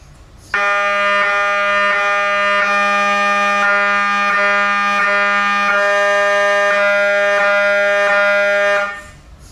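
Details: MRI scanner noise while running a sequence: a loud, steady buzzing drone with a regular faint pulse, lasting about eight seconds.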